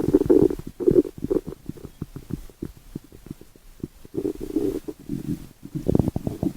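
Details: Gurgling, bubbling rumbles with bursts of short pops: ordinary stomach growling (borborygmi) from gas and fluid moving through the gut.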